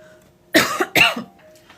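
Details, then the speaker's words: Two quick, dry coughs in a quiet room, from a pregnant woman with a persistent cough she describes as one of her pregnancy symptoms, recorded during a live stream. "I know pregnancy is wild, like why did a permanent cough have to be one of my pregnancy symptoms? Just seems so random."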